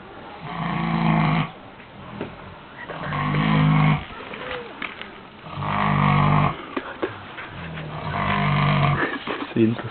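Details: Sleeping pig snoring: loud, low, rumbling snores about every 2.5 seconds, roughly 24 a minute.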